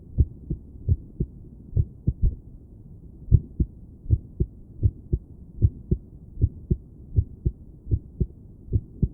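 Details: Woman sitting on her bed listening to her own heart through a stethoscope, heart felt thumping against it; rhythm seemed at moments to return to normal. Irregular heartbeat.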